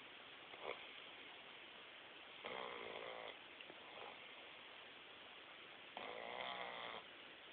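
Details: Dog snoring very loudly while napping: higher-pitched, raspy snorts on breathing in with softer snuffles between.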